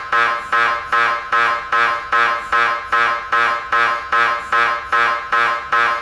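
Loud, regular buzzing pulses about 150 a minute, the rhythmic knocking-buzz of an MRI scanner running a sequence.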